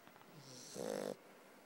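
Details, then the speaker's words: Puppy snoring: a single short, buzzing snore-like breath, with the owner asking if it is snoring. "Brasco. Brasco. You snoring? You snoring, baby?"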